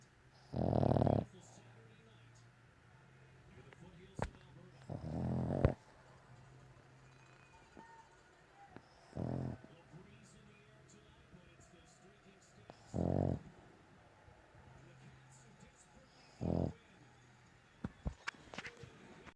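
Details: Dog in deep, sound sleep snoring loudly: four or five loud, rough snoring bursts spaced several seconds apart in a quiet room, with faint clicks between.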